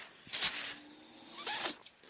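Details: Two short, airy hissing bursts a little over a second apart, with a faint steady tone between them, from the mechanical ventilator of an adult man who is speaking: ventilator cycling.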